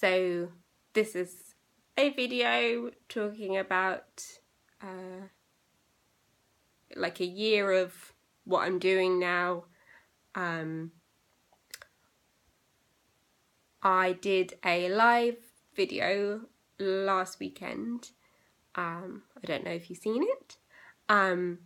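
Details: Aphasia in a young woman, recorded eight years after a stroke she had at age 18; she has received speech therapy, including intensive speech therapy.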